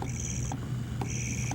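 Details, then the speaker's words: Unimom Opera dual-motor, hospital-grade electric breast pump in alternate mode, suction switching left and right: low motor hum with brief high whirring bursts about every half second; held up close to the microphone. "The next mode is alternate. So now I'm gonna hold it up so you can hear it a little bit better."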